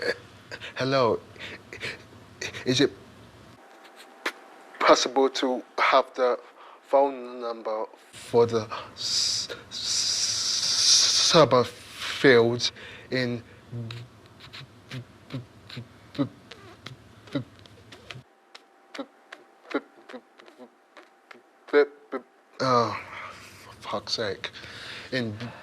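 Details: 28-year-old man from London who stammers, on an intensive McGuire Programme course, making a phone call after long avoiding the phone; long mid-sentence blocks; stuttering.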